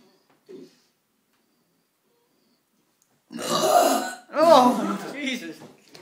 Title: Burping Competition